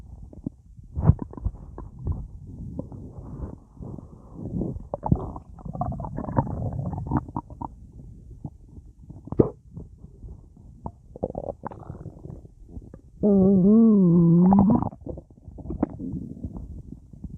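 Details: Full, gassy stomach after a large meal with a drink: gurgling, bubbling rumbles and squeaks including a long tonal gurgle; active bowel sounds with trapped gas.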